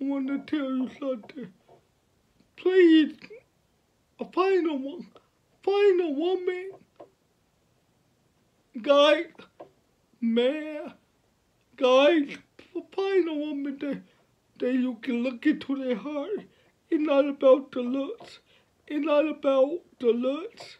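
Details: 29-year-old man with cerebral palsy since birth, born at five months' gestation, speaking about his life and disability; finding: dysarthric speech in cerebral palsy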